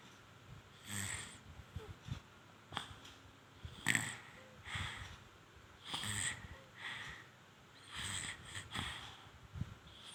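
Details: Soft rhythmic snoring with snuffly, whistling breaths from a sleeping baby, about five breaths in ten seconds; infant snoring.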